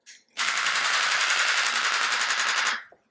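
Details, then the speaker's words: Radial shockwave therapy unit (Storz MP50) at 11 Hz, applicator on the heel with ultrasound gel for plantar fasciitis demo: loud rapid rattling pulses blurring into a steady buzz; shockwave device running. "I'll demo the unit quickly just so you hear the sound and see the application, but I won't talk during that because it'd be very difficult to hear anything."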